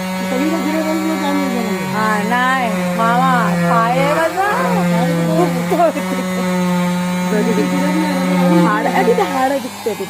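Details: Steady buzzing motor hum with voices over it: a cast saw cutting a modern plaster leg cast off a female patient; she reports the cast getting very hot, burning and pain.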